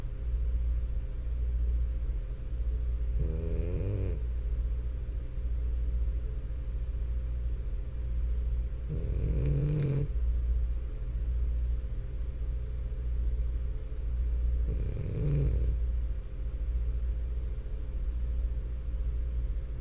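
Three rattling snores about every six seconds over a steady low hum; snoring in a flat-faced dog.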